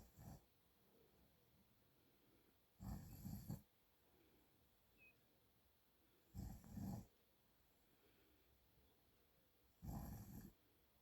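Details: An adult man (a father) snoring: loud, rough snores on breathing in, about four in eleven seconds, with quiet pauses between; ordinary snoring.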